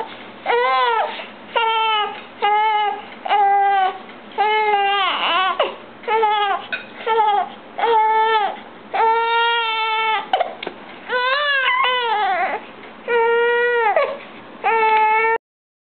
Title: Baby Crying